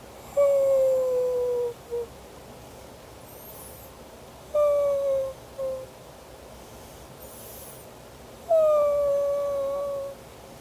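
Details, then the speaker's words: Wheezing in a baby, heard over the chest or back, a whistling or cat-like breathing sound considered not normal, in a paediatric explanation. "ang pangalawang Halak na hindi itinuturing na normal ay ang tinatawag na whing ito ang Halak sa dibdib o likod ni baby na parang tunog ng pagsipol o parang tunog ng pusa ganito"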